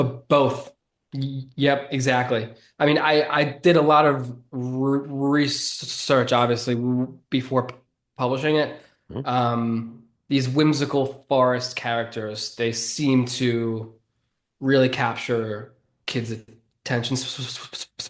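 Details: 33-year-old man who has stuttered since about age seven or eight, which he considers predominantly neurological and describes as relatively mild, not severe; stuttering.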